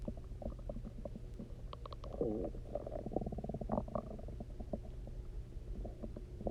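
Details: Hunger borborygmi after eating basically nothing for 24 hours, then chugging water and lying on the side: loud, resonant, gurgling, bubbling stomach rumbles with a low background hum; stomach growling.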